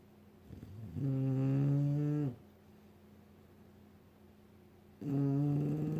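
Two low, humming, droning snores about four seconds apart, with quiet breathing between; steady snoring during sleep.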